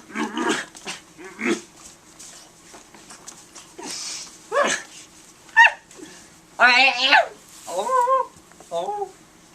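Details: 15-year-old boy with Tourette syndrome, severe motor tics since age 10 and vocal tics since about 11, recorded as appliance therapy begins: sudden repeated sharp yelps, barks and squeaky, rising, wavering cries in irregular bursts; vocal tics.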